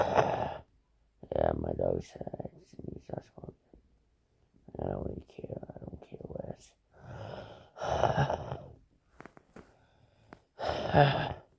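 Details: An adult deliberately produces a series of breathy, whistling, sighing breaths in a small room: imitated wheezing.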